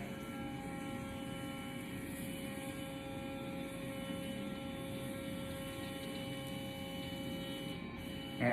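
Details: Philips Sonicare sonic electric toothbrush running, bristles at 45 degrees to the gums with light pressure, two-minute timer cycling 30 seconds per quadrant: continuous high, even buzz with faint room hum.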